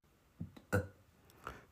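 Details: A woman in early pregnancy with morning sickness makes three short, low, throaty bursts, the middle one loudest, like strained attempts to belch: belching.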